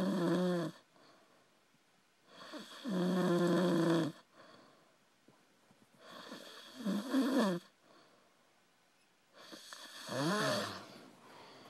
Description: The best past out drunk snore